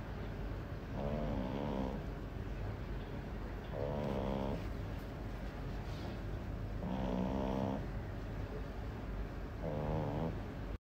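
Four deep, rattling, tonal snores at regular intervals, about 22 breaths a minute, over steady background hum: loud snoring.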